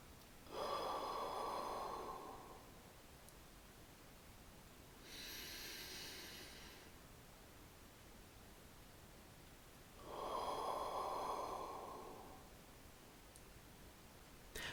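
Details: Physio demonstrating thoracic expansion exercises of the active cycle of breathing technique (ACBT), hands on outer ribs: slow deep breaths, long inhalation through the nose, three-second hold, long exhalation through the mouth, following diaphragmatic breathing control.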